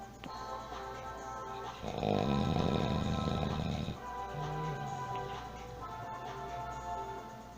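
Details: A person snoring loudly, likened to a NASCAR race track: one long, loud, rough snore lasting about two seconds, with music playing in the background.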